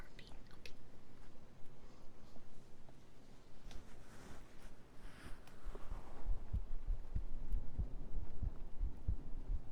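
Rustling and room noise at first, then steady, regular low thumps of a heartbeat at a resting pace in the second half.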